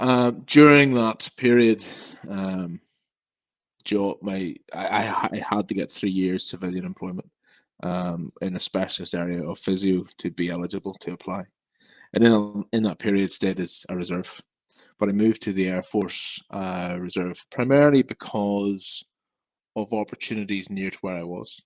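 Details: Adult man who has stammered since about age five and experiences blocks; stuttering.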